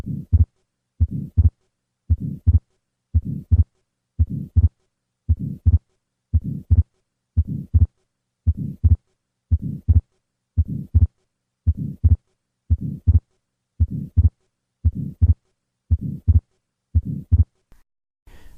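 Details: Regular heartbeat at about 58 a minute with a split second sound and a soft systolic murmur: atrial septal defect with fixed split S2 and a pulmonic systolic flow murmur.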